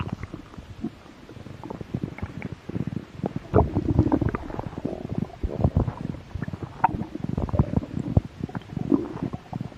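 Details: Stomach growl with mild hunger: irregular low gurgles and rumbles over about ten seconds; normal borborygmi.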